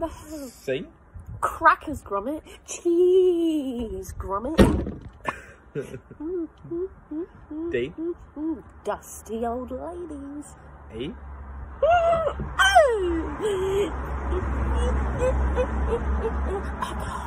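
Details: Vocal tics of Tourette syndrome in a 22-year-old woman doing the alphabet challenge; tics are involuntary and triggered by hearing her partner say letters; filmed October 2020, before her formal Tourette's diagnosis.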